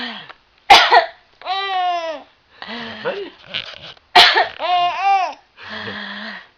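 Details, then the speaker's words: Mother deliberately coughs to amuse her baby: two sharp imitated coughs, each followed by the baby's bright laughing squeals; playful, not illness. "Mommy's coughing, yeah. You like that, huh? How about if I cough, huh? How about if I cough?"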